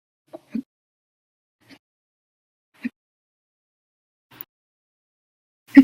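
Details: Repeated hiccups in a bout lasting over 14 hours after breakfast, lunch and a cup of soda after dinner: brief, sharp, isolated catches of breath, about one every second or so, in near silence.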